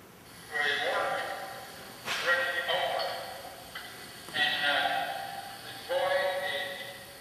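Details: Milder Broca's aphasia with apraxia of speech in a man describing a picture, with telegraphic speech, word-finding difficulty, phonemic paraphasias and apraxic phonetic errors.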